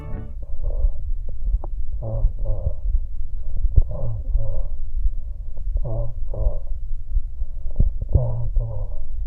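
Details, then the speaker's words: Egophony on chest auscultation over a thin, laminar pleural effusion: muffled, nasal, bleating voice sounds, with mainly high frequencies and high-pitched vowels transmitted. "La egofonía, donde el derrame pleural es laminar, parte del sonido logra transmitirse dejando pasar preferentemente las frecuencias altas, especialmente vocales de tonalidad alta, adoptando la transmisión de la voz un timbr Nasal"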